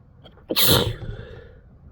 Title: compilation of induced and natural sneezes